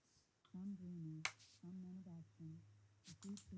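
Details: Simulated hearing loss: muffled female voice reading, pitch audible but words blurred, right ear of bilateral severe-to-profound sensorineural hearing loss (moderate in right low tones); severe sensorineural hearing loss simulation.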